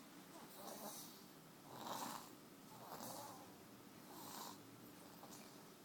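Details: Soft, rhythmic, breathy snoring with a hissy airflow quality, about one breath every one to two seconds, from someone sleeping on her grandmother in a quiet room.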